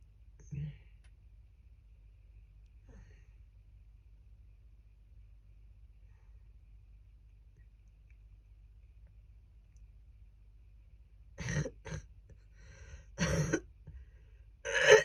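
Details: Adult woman with a cold, recorded at its worst, when she thought it might be pneumonia: after a long quiet stretch, a few harsh cough bursts with a lot of phlegm; wet productive cough.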